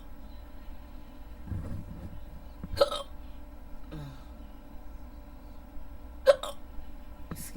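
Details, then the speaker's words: Person trying to fall asleep with hiccups on and off for about 15–20 minutes: a few sharp, brief hiccups at irregular intervals over a quiet background; ordinary hiccups. "Excuse excuse me I'm really trying to fall asleep but I can't can't do to these hiccup hiccups excuse me"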